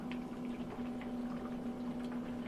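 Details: Home oxygen concentrator with humidifier bottle attached and running: continuous bubbling and gurgling over a steady machine hum as oxygen passes through water, humidity carried into the tubing.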